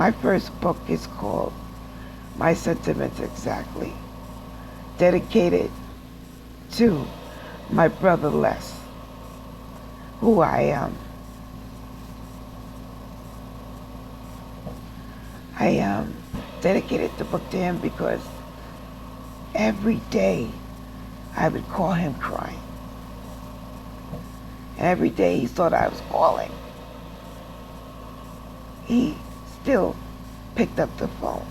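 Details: Adult woman with aphasia after a stroke, still in speech therapy, who reports sometimes producing gibberish, speaking backwards and mixing up words, speaking from nursing-home rehab; aphasia.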